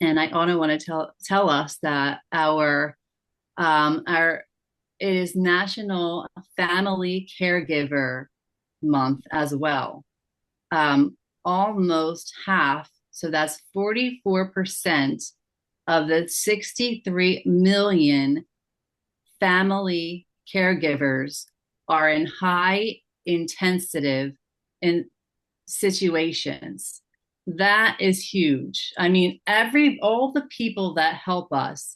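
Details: Aphasia in a woman, with repeated words and a broken, wrong word.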